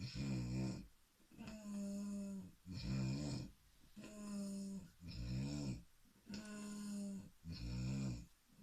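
Steady, loud snoring that alternates between a buzzing and a tonal sound with each breath, about 20 breaths a minute.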